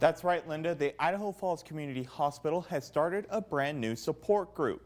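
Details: Adult male news reporter; Typical speech.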